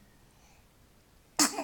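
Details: Single sudden infant sneeze after near-silence, from a 2-month-old baby.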